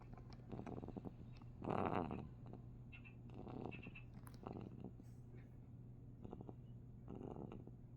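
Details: A sleeping cat makes a steady low rumbling purr-like drone with soft, rhythmic snoring breaths on top; cat snoring.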